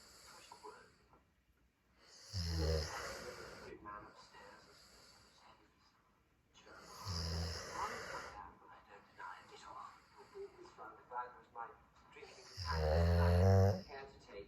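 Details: Sleep snoring: loud, rattling snores about every five seconds, with television talk in the background.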